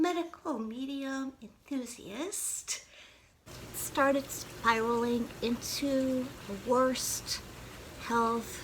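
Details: Adult woman's past voice with spasmodic dysphonia, when she could not speak above a whisper and was hard to understand, needing to repeat herself.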